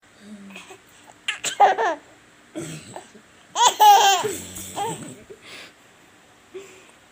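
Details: Bursts of hearty baby laughter breaking into brief coughs, in an infant who is just learning to roll onto the tummy; harmless cough triggered by laughing.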